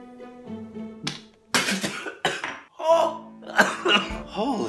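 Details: A sick adult man gives several harsh coughing, gagging and spitting bursts after swallowing a homemade garlic, jalapeño and vinegar remedy that burns his mouth, with music underneath.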